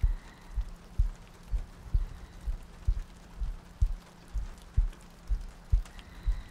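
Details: Heartbeat in an ASMR sleep-aid loop with soft breathing: regular, low paired lub-dub thumps at about 63 beats per minute under soft rain noise, a slow, steady heartbeat.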